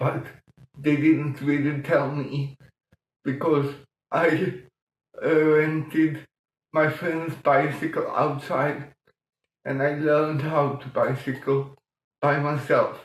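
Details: Adult man with mild cerebral palsy from lack of oxygen at birth in 1958; as a child he talked while breathing in, and says music later helped him breathe differently and talk more intelligibly; mild dysarthria in cerebral palsy.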